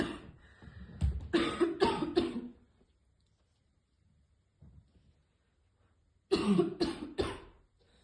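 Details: Girl choking on vape vapour after repeatedly failing to hit the vape: two bursts of harsh, forceful coughing, about four or five coughs each, separated by a quiet pause; cough.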